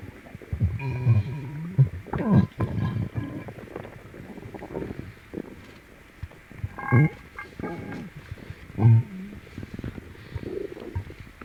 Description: I stroke my poor tummy clockwise it hurts and gets upset... I must have eaten something or I will still be filming these tummy sounds:(